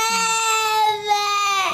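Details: Young child crying in the morning: a sustained, high-pitched wailing cry.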